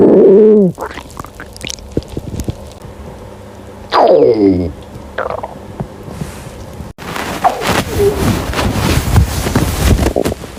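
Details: Hungry girl's stomach growling, from a compilation: loud, gurgling, rising and falling growls in several separate bursts with abrupt cuts between pieces, hunger borborygmi.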